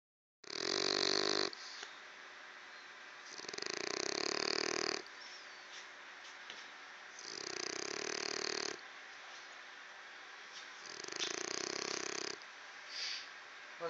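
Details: Loud, harsh, rattling snores, about four breaths in 14 seconds, with noisy breathing between them in a small room. Snoring.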